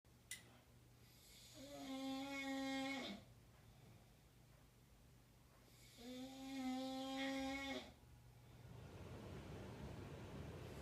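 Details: Two long, buzzing, tonal snores on inspiration separated by quiet pauses, with room hiss between; loud snoring.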